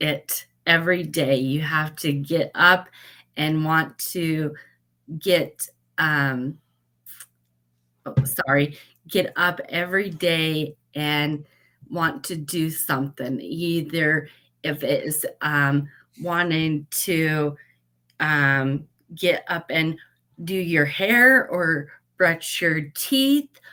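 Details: Post-stroke aphasia with word-finding difficulty in a woman who had a stroke at age 38; she practises daily, writing words she cannot get out on a board and Post-it notes, though she says she does not have aphasia.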